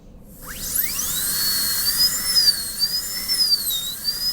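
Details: High-speed dental handpiece cutting a Class II preparation on a manikin typodont tooth (simulated), along the oblique ridge through a distal pit: a high-pitched whine that spins up and wavers in pitch under load.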